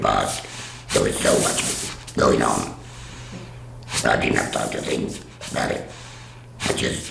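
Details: Adult woman after total laryngectomy who speaks through a voice device/valve, which she says is working fully for the first time; alaryngeal speech after total laryngectomy.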